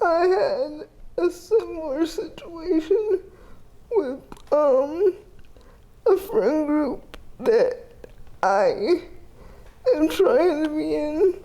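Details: 30-year-old woman with GMFCS Level 4 cerebral palsy, quadriplegia with an athetoid component affecting arms, legs and trunk, uses a power wheelchair, repeated eye and hip surgeries; dysarthria.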